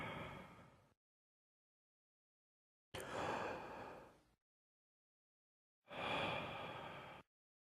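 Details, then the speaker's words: Three loud, hollow, high-pitched blowing breath sounds with silent gaps, heard by stethoscope over the chest during deep open-mouth breaths: bronchial breathing, as over consolidation, top of a pleural effusion, or dense fibrosis. "Bronchial breath sounds are found when normal lung tissue is replaced by uniformly conducting tissue and the underlying major bronchus is patent."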